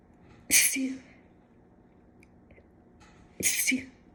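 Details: Two sharp, forceful sneezes about three seconds apart in a quiet room, induced with a cat whisker while the left nostril is clogged from cat allergy: sneezing from allergic rhinitis.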